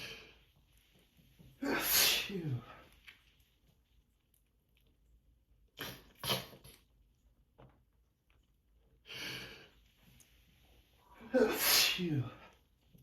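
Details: Adult with seasonal allergies sneezing in the morning: four loud sneezes in a row with quieter breaths between them in a small room; repeated allergic sneezing.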